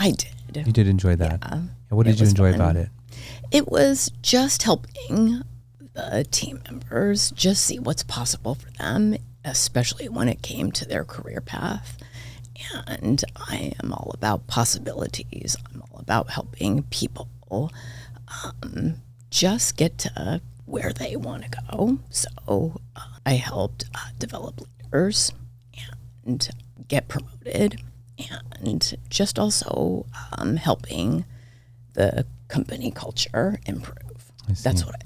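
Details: Adult woman with spasmodic dysphonia diagnosed this year, involving vocal cord spasms; she attributes it partly to voice overuse from podcast hosting and to stress, and it seems to be occurring during this real recorded interview: spasmodic dysphonia.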